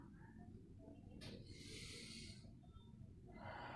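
Soft airy breath noise over steady low rumble, consistent with normal vesicular breath sounds on inspiration.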